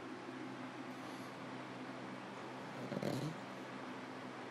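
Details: Pug sleeping in her usual position: low continuous rumbling breath noise with one louder snorting snore.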